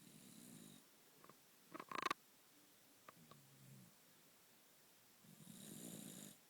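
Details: Sleeping dog at naptime: soft, rattly snoring breaths, one at the start and one at the end, with small noises between in a quiet room.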